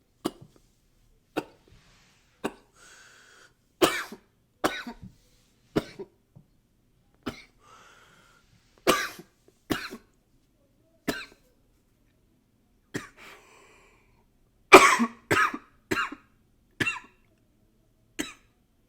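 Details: Coughing recorded with a new high-fidelity microphone: roughly fifteen short coughs in under twenty seconds, some in pairs, with brief nose blowing between.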